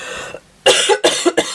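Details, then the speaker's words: Adult still recovering from an illness, not fully better: a quiet pause, then three short, forceful, slightly loose coughs in quick succession; a brief coughing bout. "Oh dear, cough time. Um, thank you everybody. Hi Janette. Um, as you can hear, I'm not 100% better."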